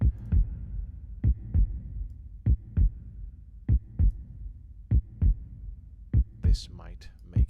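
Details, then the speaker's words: Synthetic heartbeat made with the Serum synthesizer in Logic Pro X, using looped MIDI notes at velocities 109–110 and 80 to mimic systole and diastole: slow, regular lub-dub at about 49 per minute, with a brief voice; simulated heartbeat. "fferent velocity one with 109 110 and the other one with 80 and that already gives us the difference between systole and diastole that we're looking for then we just create a loop drag it and that's that's basically it"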